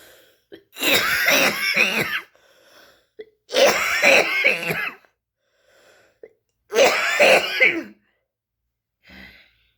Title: just a girl cough cough cough coughing